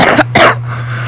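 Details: Two short, harsh coughs from a sick child over a steady low hum; cough.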